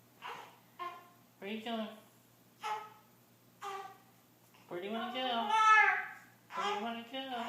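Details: Fussy infant being burped: short whimpering cries building into a louder wail in a quiet room.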